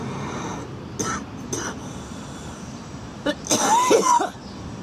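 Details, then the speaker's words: Girl coughing: several short cough bursts, the last ones louder and more forceful, over steady road-like background noise; she says her lungs sound horrible. "Oh, my lungs sound horrible."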